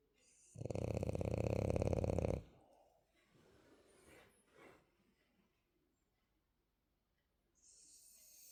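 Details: Sleeping female French bulldog snoring quietly: one loud, rattling snore about two seconds long, then soft breathing noises and quiet; short-nosed dog snoring.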